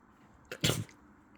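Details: A quick sharp intake then one explosive burst of air as a dog sneezes while resting on its owner's lap; an ordinary sneeze.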